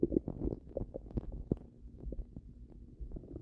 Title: Violent Stomach Noises